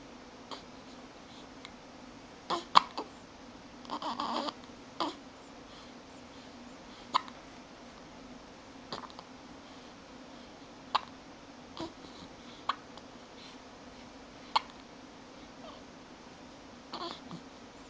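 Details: Repeated brief, sharp little hiccup sounds every few seconds over quiet room noise; ordinary infant hiccups.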